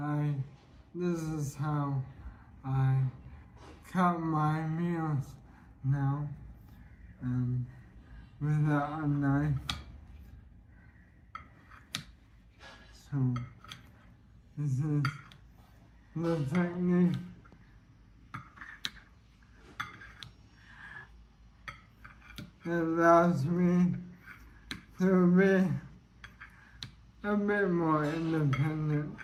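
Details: Dysarthria in a man with ALS (motor neuron disease) whose throat muscles are weakening, causing breathlessness and effortful speech; symptoms began in early 2023 with evening hoarseness, then slurred speech; he expects to lose speech and swallowing.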